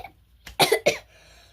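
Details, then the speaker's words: A child who says they have the flu gives two quick, sharp, wet-sounding coughs with a short breath just before. "sí, tengo gripa."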